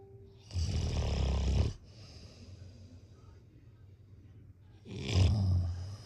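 Two deep, loud, rumbling snores about four seconds apart with a softer breath between; heavy snoring during sleep.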